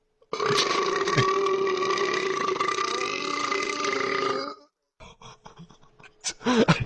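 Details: Long, loud, drawn-out belch of about four seconds, then quieter stretch and shorter vocal sounds, deliberate during a burping contest after the person says he is bloated: burping.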